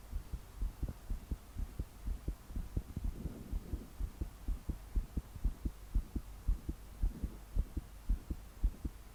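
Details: Fast, strong, pounding heartbeat near 110 a minute from a 22-year-old female trying to calm down to sleep, body shaking with each beat, deep breaths not helping; soft breathing and heavy rain behind.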